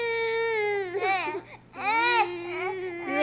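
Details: Infant crying: sustained tonal wailing broken by a short catch of breath. The parent suspects the crying is somewhat fake and wonders if the baby wants to eat, shortly after breakfast.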